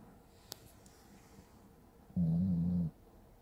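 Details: Sleeping pit bull snoring like a human: a single loud, deep, rattling snore in a quiet room.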